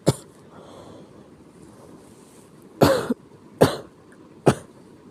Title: 気持ち悪い咳 sick cough